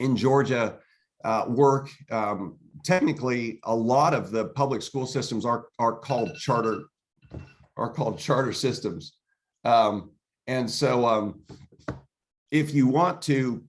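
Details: Adult man speaking; normal voice.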